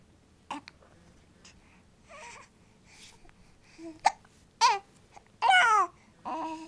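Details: Baby: a few sharp, abrupt catches among soft babbling and brief fussy cries; infant hiccups.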